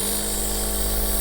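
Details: Compressor nebulizer (MCN S600MC) running during a child's treatment with small child mask; steady mechanical hum and buzz of the compressor motor.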